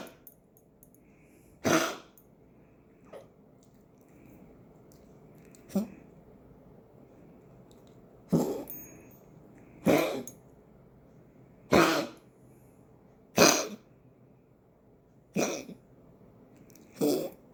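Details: Dog named Patches coughing: a series of about eight short, harsh coughs at uneven intervals over roughly fifteen seconds.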